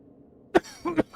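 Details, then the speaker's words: Adult male coughing during a live gaming stream, says he coughs a lot without knowing why: two short, sharp cough bursts close together, faint room noise. "Cough puff, yeah. I don't know why, and I have no idea why I cough so much."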